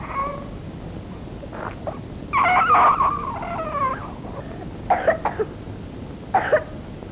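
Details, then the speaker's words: Pertussis (whooping cough) in a young child, 1972 film: paroxysmal spasmodic cough, short clustered cough bursts on expiration with strained crying sounds between. "thời gian ho co thắt, các cơn có thể lặp đi lặp lại tùy theo mức độ nghiêm trọng của bệnh từ 2-3 đến 60-80 mỗi ngày và đặc biệt khiến bệnh nhân khó chịu vào ban đêm."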